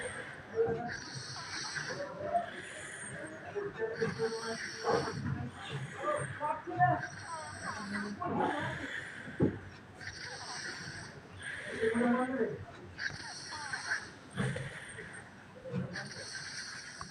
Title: Snoring Kid Part 4/5(2)